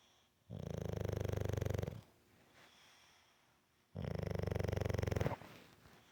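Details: Two long, loud, fluttering rattling snores on breaths about two seconds apart, with quiet gaps between; heavy snoring in a sleeping bulldog.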